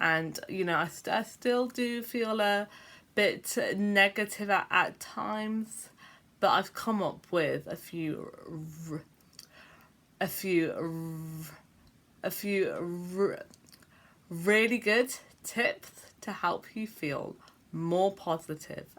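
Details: Adult woman with a stammer involving long blocks and repeated sounds; word repetitions heard in this clip; stuttering.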